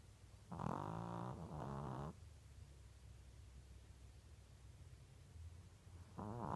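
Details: Snoring or possible pneumonia, uploader unsure: loud, rattling snoring breaths during sleep, each about a second long, with quiet pauses between.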